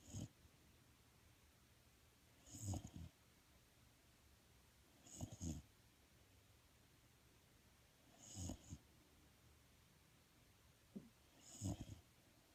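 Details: Snoring: low rumbling snores with soft snorting, about five in twelve seconds, over quiet room noise.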